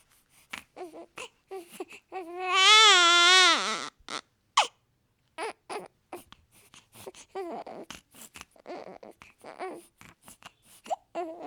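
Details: A newborn baby boy gives one sustained, high-pitched wail, then short fussy whimpering bursts in a quiet small room: typical newborn crying.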